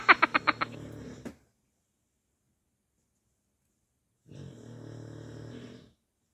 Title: Chow Chow snore is real😅🥰